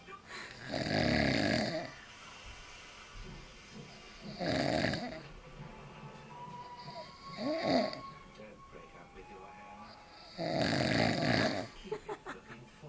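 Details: Adult man (dad) snoring heavily while asleep after drinking far too much beer: loud, rattling snores recurring irregularly, about four in thirteen seconds, with a quieter snort between.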